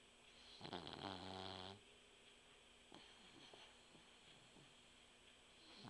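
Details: Loud, rattling, buzzy snore then quiet breathing with faint snuffles from a sleeping female puggle dog; snoring.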